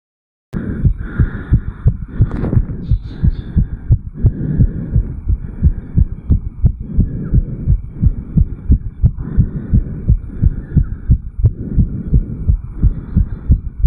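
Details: 34-year-old male, sinus tachycardia after jogging: rapid, regular heartbeat about 160–180 bpm, recorded at the mitral valve area (apex).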